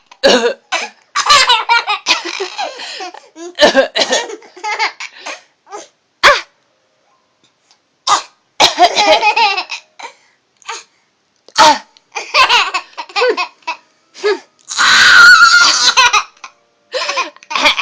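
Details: A child has a silly coughing fit: repeated clusters of short coughs mixed with laughter-like sounds over about eighteen seconds.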